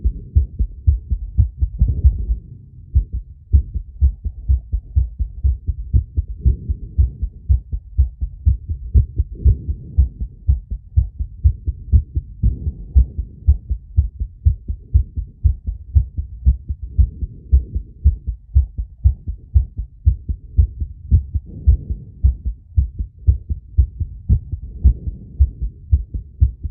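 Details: Own heart on phonocardiogram with ECG after breath-holding with rapid squats and exhalation: fast heart sounds near 120 a minute, uneven spacing, breathing swells; exercise-induced tachycardia with arrhythmia.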